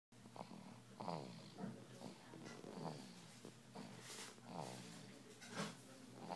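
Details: Sleeping dog snoring: soft, irregular snuffling snores with snorting breaths, about 30 a minute; ordinary snoring.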